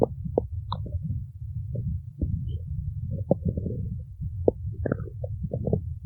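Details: Stomach growling (borborygmi): continuous low gurgling rumble with scattered squeaks and pops; owner suggests she needs to eat.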